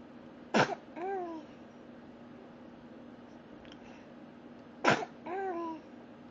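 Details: Two sharp explosive sneezes, each followed by a brief voiced sound, in a quiet room; sneezing.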